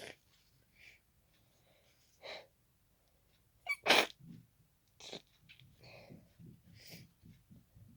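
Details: Hay fever sneezing fit triggered by pollen: a fast series of sharp, explosive, congested sneezes into tissues, with congested sniffing and snuffling between them.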